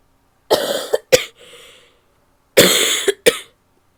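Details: Two bouts of about three harsh coughs each, with a breathy intake of air between them, from an adult female while sick: cough.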